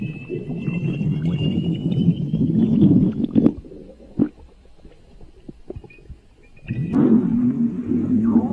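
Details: Long low gurgling and rumbling stomach growling with a quieter pause midway before the growling resumes; borborygmi.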